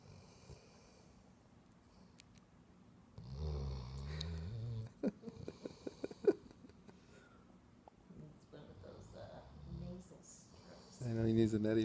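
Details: A dog, called the world's loudest snorer, asleep after a visit: low rumbling snores with irregular snorting and small sounds over a quiet room.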